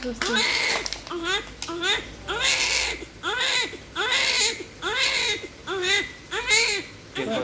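Rhythmic, strong newborn crying, about eight cries in rapid succession with brief breaths between; a vigorous normal newborn cry.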